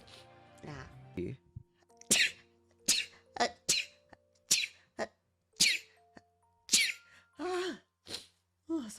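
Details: Edited compilation of a VTuber's sneezes, possibly from weather or allergies: a rapid run of about ten short, explosive sneeze-like bursts with brief voiced sounds between them, over quiet background music.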